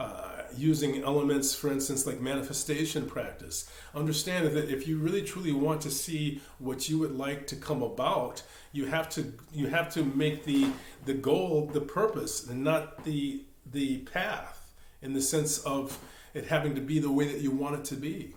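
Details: Stuttering in a male meditation teacher who says he stammers; word and part-word repetitions are heard.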